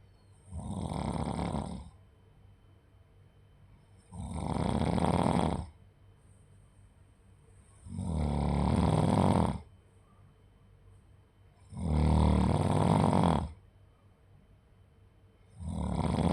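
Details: Loud, rattling snores on each breath in, about 16 a minute, with quiet pauses between; snoring.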